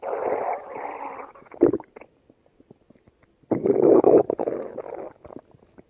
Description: We can enjoy listening to her belly gurgles.